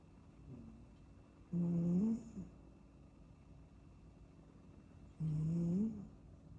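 Two soft, low, tonal snoring sounds on the breath in, about 3.5 seconds apart, from a sleeping kitten; ordinary snoring.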